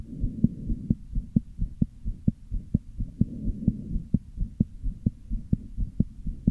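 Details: Fast heartbeat of about 130 a minute with a low rumbling noise between the beats: a very obvious heart murmur with arrhythmia.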